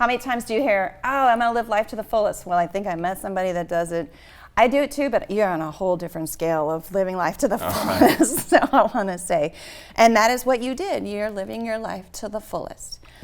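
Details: Adult woman; typical speech.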